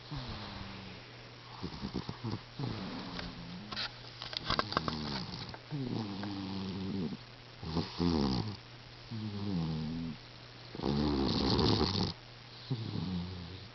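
Repeated rattling, buzzing breaths with a low steady hum in the background: a cat snoring.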